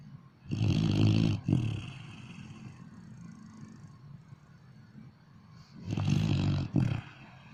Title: Snoring Dog